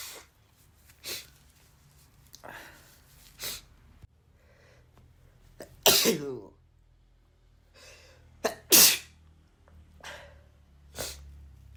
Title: another sneeze compilation (M)